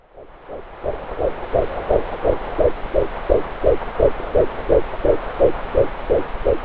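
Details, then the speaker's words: Fetal heartbeat at 10 weeks of pregnancy on a home BabyBeat fetal Doppler: rapid, regular whooshing pulses at about 170 a minute, much faster than the mother's pulse. "the fetal heartbeat at only 10 weeks notice how fast the heart rate is at this stage"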